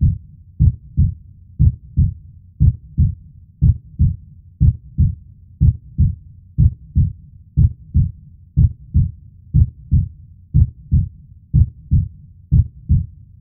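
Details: Steady, regular paired lub-dub heartbeat at about 60 beats a minute with an even rhythm, played as a relaxation sound.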